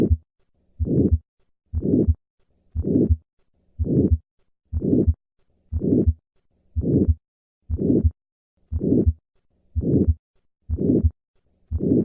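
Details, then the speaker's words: Aortic stenosis: regular heart cycles near 60 per minute, each with a harsh rumbling systolic murmur; in some patients it is heard higher-pitched at the apex (Gallavardin phenomenon), best sitting up leaning forward. "in some patients the murmur of aortic stenosis may be heard at the cardiac apex with a higher pitch this phenomenon was first described by gala Vardhan this murmur has heard best with the patient sitting up and leaning forward"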